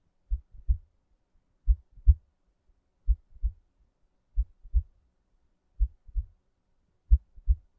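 Soft paired low thumps repeat steadily at about 70 beats a minute in a quiet background, an ordinary two-part heartbeat.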